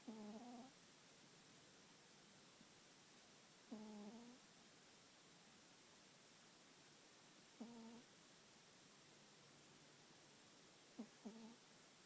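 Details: Two sleeping cats snoring, one much louder than the other: soft, squeaky nasal snores, one every few seconds, under a steady hiss.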